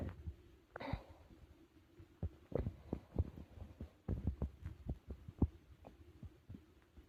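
Irregular low gurgles, pops and rumbles from the gut. These are ordinary digestion sounds after a large meal.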